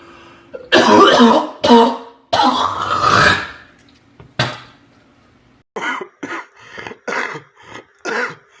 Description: a short compilation of wet coughs I found on the internet